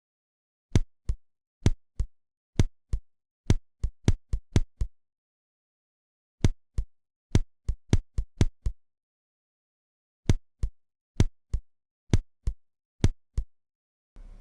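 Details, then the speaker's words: Simulated heart auscultation of paired extrasystoles: rhythm about 65 a minute broken by two episodes of early, closely spaced beats, possibly mistaken for a short tachycardia paroxysm. "слышна явная аритмия даже в деталях Если вы не разобрались то просто можно сказать есть два эпизода где нарушен ритм где есть вот это учащение"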